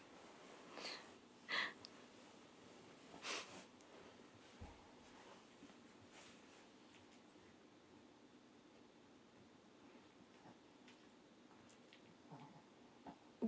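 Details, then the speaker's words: Snoring from a pet dog named Momo, asleep at home during a late-night livestream; the dog woke suddenly and began digging. "びっくりしたいびきかいてますももちゃんが家に入ったこんな調子ですいつもこんな調子です"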